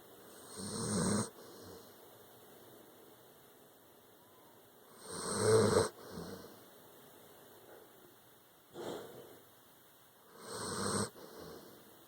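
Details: Sleeping dog, tired after an anxious day, after a hurricane: slow, irregular snorting snores with quieter breaths between, about 13 a minute: snoring.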